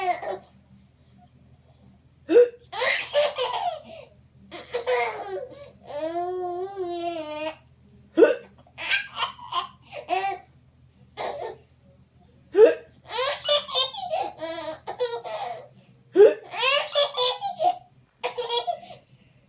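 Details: Infant hiccups: four sharp catches about every four seconds, each followed by bright baby laughter and babbling.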